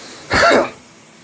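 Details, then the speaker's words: A single harsh, throaty cough burst from an adult who quit smoking just over a month ago, still coughing up black tar, with wheezing much reduced: productive smoker's cough. "I'm still coughing up black crap and that's why I wanted to make this nasty video"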